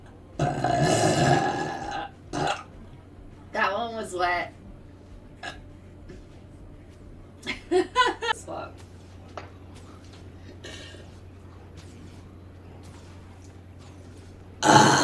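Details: Several loud, drawn-out belches, some long and rumbling, with brief gaps between them and faint room hum behind: burping.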